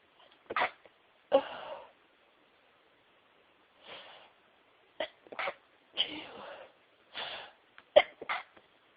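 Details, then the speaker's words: Deliberately stifled sneezes: a run of about eight soft, muffled bursts held back with little voice in a quiet room. "I'm gonna sneeze."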